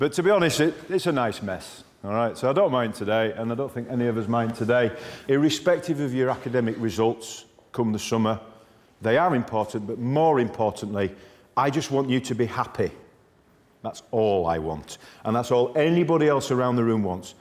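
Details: Adult man speaking to a group; normal fluent speech.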